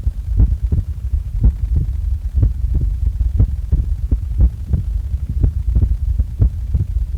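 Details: Normal heart sounds recorded just after waking: steady low thumping heartbeat of about 70 to 80 beats a minute under a constant hum.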